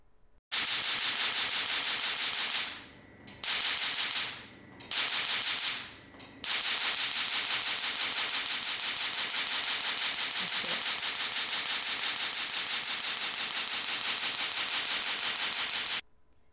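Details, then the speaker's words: Bossayer T8 Q-switched laser tattoo removal unit firing with voltage raised to 850 and frequency to about 6: rapid, sharp clicking bursts at a quicker rate, with brief pauses between runs; demonstration. "As you could see, by putting up the power and the frequency, the machine works at a quicker rate."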